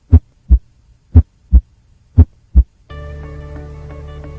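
Low, dull heart sounds at about 60 a minute for two seconds, then background music; third heart sound (S3).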